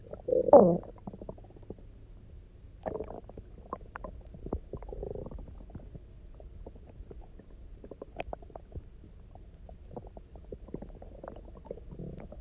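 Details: Gurgling, bubbling stomach rumbles with a few louder squeaky growls, recorded after about 24 hours of near-fasting, drinking a lot of water and lying on the side; normal hunger borborygmi.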